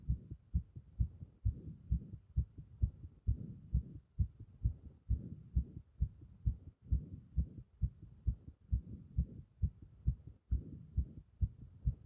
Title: 早い心臓の音 拍動強め